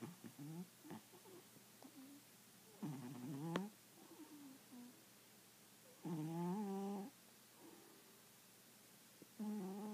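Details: Snoring during sleep: soft, rough breathing noises recurring in a quiet room, with a few louder groaning snores mixed in.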